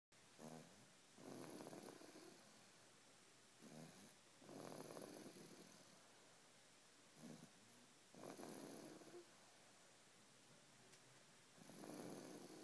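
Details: Small animal snoring while asleep: soft, irregular snoring breaths about one every three to four seconds, with a faint hiss between them.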